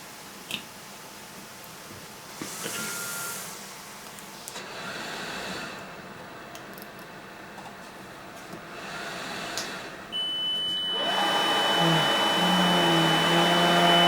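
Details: Cough assist (mechanical insufflation-exsufflation) through a tracheostomy before sterile suctioning: rhythmic machine airflow surges alternate with quieter pauses, then a steady suction hiss with whistling tones; the patient reports feeling much better.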